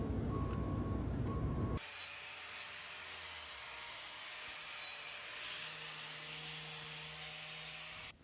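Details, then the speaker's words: Power grinding wheel roughening a dairy cow's trimmed claw, not removing material, so glue sticks before a block is glued on; hoof has a hidden sole lesion: steady high rasping grind against hoof horn. "this wheel here really isn't used to remove material it's just used to rough that clob so that glue sticks a little better"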